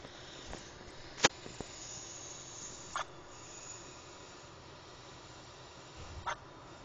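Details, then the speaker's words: Infant boy with hiccups, making a small squeaking noise with each hiccup; infant hiccups. "I don't know if you were able to hear that or not but I'll just has the hiccups and you can actually hear him make a squeaking noise every time he Hicks up it was pretty funny"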